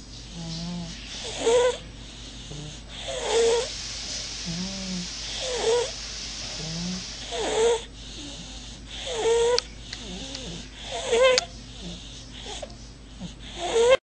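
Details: Sleeping baby boy snoring: soft, rhythmic noisy breathing with a whistly squeak on each breath, about eight breaths in fourteen seconds; infant snoring.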